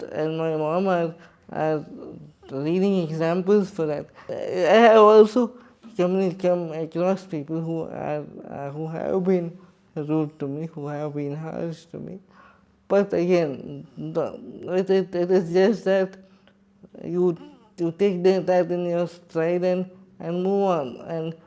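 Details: Adult man with cerebral palsy speaking in his own voice; dysarthria in cerebral palsy.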